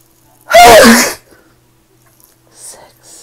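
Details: Sneezes deliberately induced in an ASMR recording, followed by an apology.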